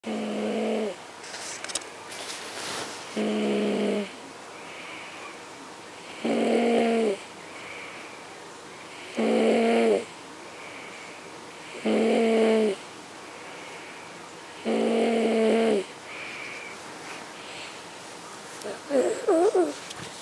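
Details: Regular harsh, high-pitched stridor from an infant at about 21 breaths a minute, despite a chin strap holding the chin up for glossoptosis; narrowed upper airway.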